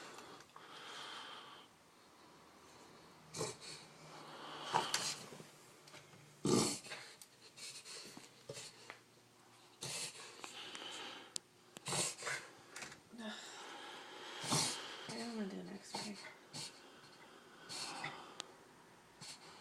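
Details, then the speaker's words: Puggle with a breathing problem: irregular snorting, snoring and wheezy breathing during an episode the owner calls the worst he's ever had. "this is like the worst he's ever done"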